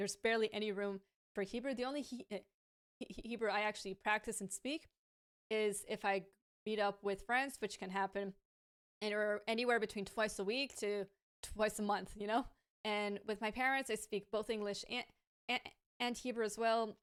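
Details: Adult woman with a lifelong stammer, native English speaker and fluent in Hebrew as a second language, who says it is now worse in Hebrew and worsens with pressure, anxiety and being rushed: stuttering.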